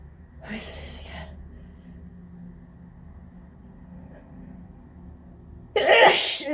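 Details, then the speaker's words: Adult with pollen-triggered sneezing in an office: two sharp explosive sneezes separated by several seconds of quiet, part of an intense, prolonged repeated sneezing fit. "I feel like I'm never gonna stop. I don't even know what that was. Okay, that might be done. Just like, oh my God, that was such an intense fit."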